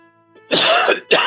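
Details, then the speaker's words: A cough during a livestream, followed by "Excuse me, my cough is coming back." "[cough] Excuse me. My cough is coming back."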